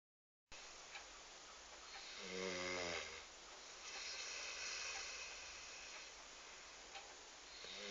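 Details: Snoring in a 6-month-old black Labrador puppy during an afternoon nap: a soft, brief snore over steady hiss, followed by airy breathing; light snoring.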